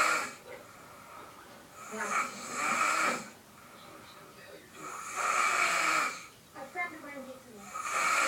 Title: Little snoring